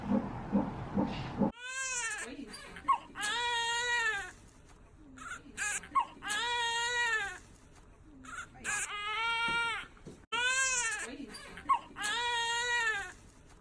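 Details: Newborn girl just after birth, mother induced at 37 weeks for high blood pressure; loud, strong crying in repeated bursts with breaths between; vigorous, normal newborn cry.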